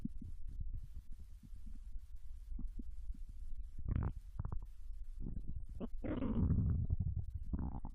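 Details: Japanese girl's abdomen digesting ramen and potato chips: low, irregular gurgling and rumbling with a few louder bubbling bursts; normal borborygmi.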